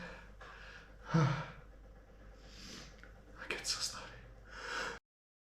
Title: Stifled allergy sneezes